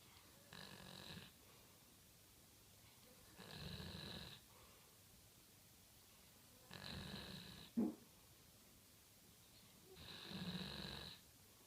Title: Snoring dog